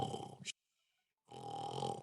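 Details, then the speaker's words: Two rough, rattling breathing noises separated by a pause: an adult's playful imitation of snoring as a sign of sleepiness in a puppet teaching story. "and what would that be snoring oh snoring so look for yawning listen for snoring"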